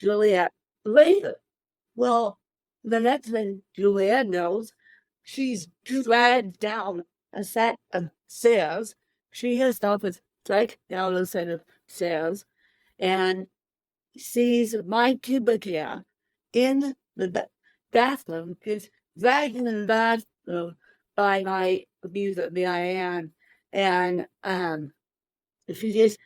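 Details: Dysarthria in an adult woman with cerebral palsy present from birth, born 13 weeks premature weighing one pound thirteen ounces; real, not acted.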